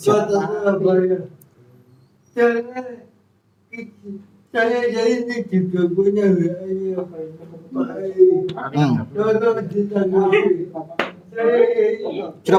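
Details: Adult with cerebral palsy, described as thinking well despite the disability; dysarthric speech in cerebral palsy.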